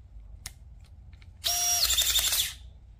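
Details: Click, then about a second of high-pitched rising and settling motor whine from a ConMed Hall 50 dual-trigger modular battery-powered surgical drill running briefly; surgical drill running.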